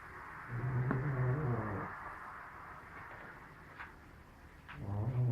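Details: Sleeping cat snoring loudly: a low, buzzing snore on inhalation, a pause, then a second snore starting.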